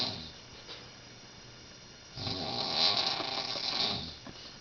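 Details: Woman in her 50s, filmed asleep at night in a college setting: a quiet stretch, then one long, loud, harsh rattling inhaled breath during sleep; heavy snoring.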